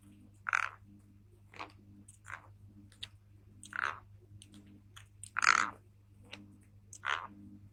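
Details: Thai girl asleep: irregular sharp grating and crunching bursts of teeth grinding; sleep bruxism.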